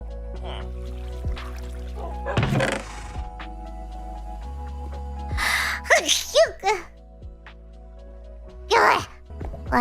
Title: Cute sneezes【HololiveEN】